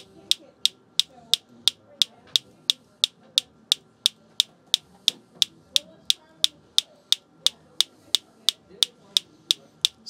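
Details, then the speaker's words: Sharp, evenly spaced clicks at about 176 per minute from a focused shockwave handpiece held on sensitive spots near the Achilles tendon during tendinopathy treatment for heel pain: focused shockwave device firing. "again this is just a video that's really showcasing the variety of tendonopathy that we can treat here in the office with the focus shock wave"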